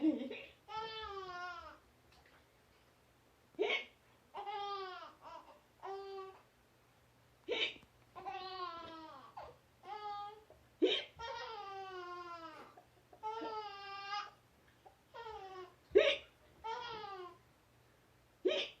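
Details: A mother hiccups about six times, roughly every three seconds, while her infant babbles and laughs in between; hiccups.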